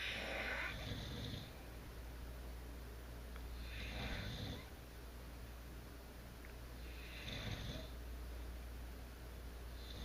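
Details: Adult couple sleeping together, snoring: soft, rough breathing noises recurring every few seconds over a steady low hum.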